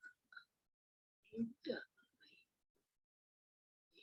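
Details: Broca's aphasia in an adult woman with a left parietal lesion, aware of her difficulties, using one- or two-word agrammatic telegraphic phrases while attempting to name an object.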